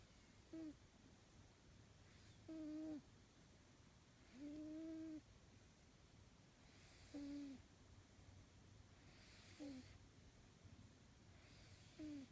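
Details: Cat Charlie asleep: soft, regular pitched snorts or squeaks with each breath, about 27 a minute, over faint room noise; cat snoring.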